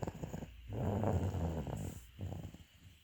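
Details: Sleeping dog snoring: low, rattling, rumbling snore sounds with brief quiet gaps between noisy breaths.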